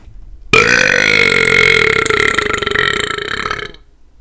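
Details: Voluntary, repeated burping while gaming: one long, loud, rattling belch lasting about three seconds.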